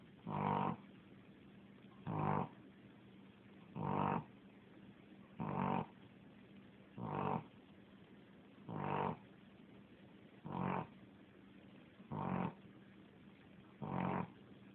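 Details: Steady, regular rumbling snores about every two seconds, roughly 36 a minute, with quiet gaps between; ordinary snoring.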